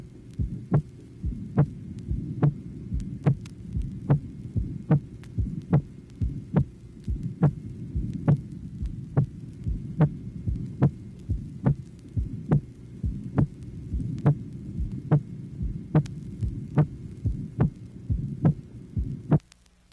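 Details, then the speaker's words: Teaching heart recording from 1967, tracing 1: hypertensive patient, regular heartbeat near 71/min with a loud, ringing, tambour-like aortic second sound. "the first example corresponding to tracing number one is a loud tambour like second aortic sound observed in a hypertensive patient"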